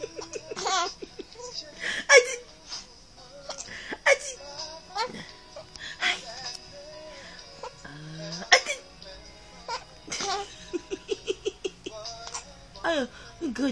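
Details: Baby giggling and laughing, broken by short sharp catches about every two seconds, with faint background music: laughing with hiccups.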